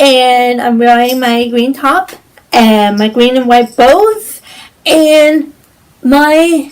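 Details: Woman with cerebral palsy; symptoms include stiffness, tightness, pain, and posture, balance and movement problems; dysarthric speech in cerebral palsy.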